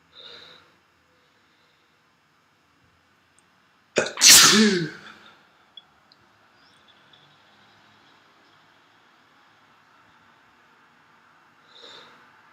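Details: A single loud, forceful sneeze with sharp onset, followed by quiet sniffing.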